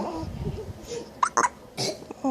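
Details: Two or three sudden, short voiced catches over background talk, consistent with hiccups.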